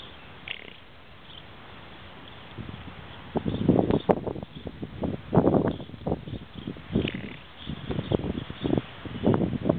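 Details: Heavily pregnant alpaca napping outdoors: soft, irregular fluttering breath noises of quiet snoring.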